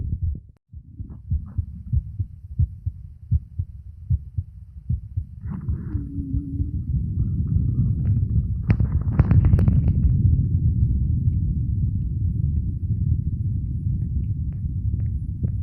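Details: Male recording his own heart with a phone microphone: soft, regular heart thumps at first, then buried under loud rubbing and pressing noise as he pushes at the end; normal heart sounds.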